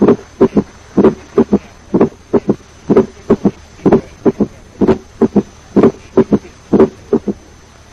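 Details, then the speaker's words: Quadruple gallop rhythm, with S3 and S4 occurring together in the same cardiac cycle. "S3 and S4 both occur together, a quadruple rhythm will be heard."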